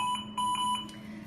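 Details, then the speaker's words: Repeating high-priority high-pressure alarm beeps from a V200 ventilator set to volume control assist control, rate 12, PEEP 5; the alarm flashes red until corrected, most often caused by the patient coughing or by secretions needing suction. "as far as alarms basic alarms and respiratory therapist responsible for setting the alarm settings the main alarm is going to be high pressure alarm and we'll see this here in just a minute"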